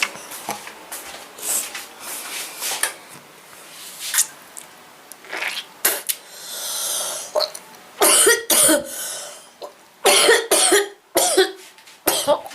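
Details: Acted bouts of harsh coughing with sniffling and breaths between from a girl portraying a bad cold with runny nose; imitated common-cold cough.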